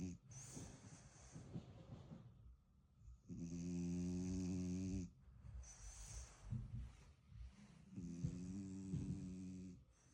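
Loud rattling snores with each breath in, separated by quieter snuffling breaths out, about six breaths a minute; typical snoring of a flat-faced dog.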